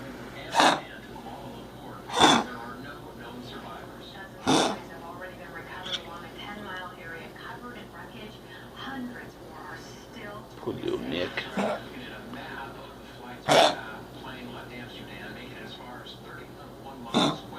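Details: A small dog with kennel cough, caught after escaping and being held at the pound, gives about five short, harsh cough bursts spread over the clip.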